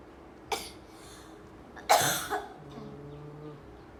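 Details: Mother coughing during nap time: two harsh cough bursts, a short one then a louder one, over a quiet room with faint background hum.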